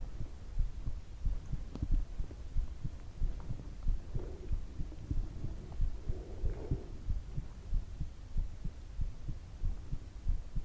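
Steady, soft low thumps at about 90 beats a minute, with a low background hum. A regular heartbeat.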